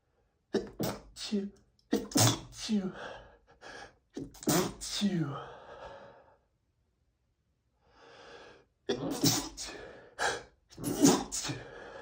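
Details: Adult man in a rapid sneezing fit, repeated sneezes with some stifled and a few let out fully because they wouldn't stop otherwise.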